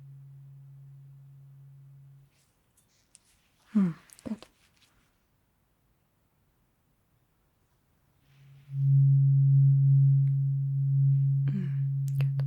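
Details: Simulated tuning fork hearing test in an eyes-closed ASMR cranial nerve exam roleplay: tuning fork tone sounded, listener asked to say which ear hears it and when it can no longer be heard.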